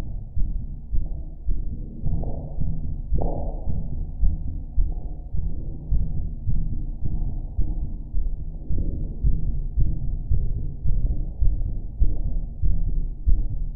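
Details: Strong, steady, deep muffled heartbeat thumps at about 107 beats a minute.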